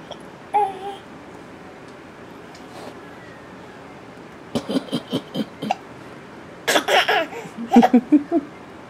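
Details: A 9-month-old baby laughing in short bursts with sudden sharp catches in the breath between them: laughing with hiccups.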